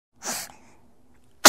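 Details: Single short, hissing infant sneeze in a quiet room, from a sound-effect collection.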